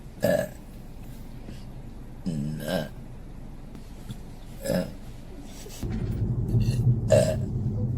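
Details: Adult woman belching in a vehicle, burp compilation; four loud, low, resonant burps over several seconds with vehicle rumble; repeated burping.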